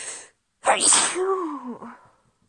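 A sharp intake followed by one loud, explosive sneeze with a voiced tail, preceded by a hissing breath.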